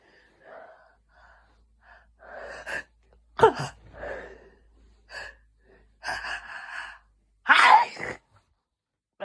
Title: Sudden hayfever sneezes